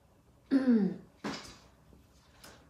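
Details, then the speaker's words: An adult who has felt unwell since the day before and is taking medication gives two short, harsh voiced coughs, the first throaty and clearing, in a quiet small room. "Seperti yang saya katakan sebelumnya , saya memang merasa agak kurang sehat sejak kemarin. Apakah kamu bisa mendengar suaraku batuk?"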